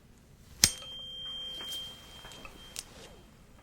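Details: Simulated ASMR ear exam roleplay for an earache: tuning fork struck with a sharp strike then a clear, fading high ring for the Weber test, heard bilaterally, after a whisper test; tuning fork.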